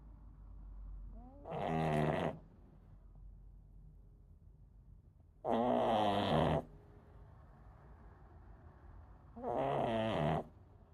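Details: Three loud, rattling snores a few seconds apart, about 15 a minute, from a sleeping Boston Terrier; snoring.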